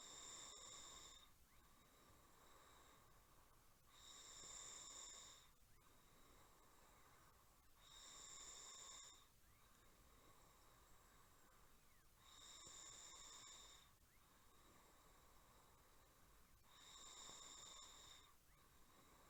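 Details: Rhythmic snoring at about 14 breaths a minute, each inward breath a rasping, slightly whistling snore; 8-minute snoring recording.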